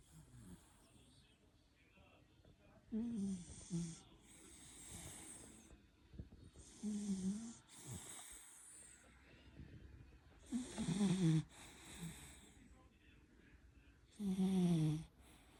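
Loud, rough rattling snores on breaths in, with breathy outward breaths between, about 17 breaths a minute; this is snoring.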